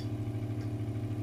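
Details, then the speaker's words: New-model body slimming vacuum therapy machine started and placed to build vacuum; steady low motor hum with regular rapid pulsing as the suction pump runs. "आपको machine को start करनी है वहां पर रखना है और वेक्यूम की बनानी है कुछ इस तरीके से"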